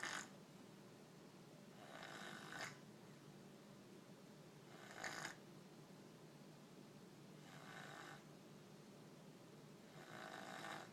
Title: Snoring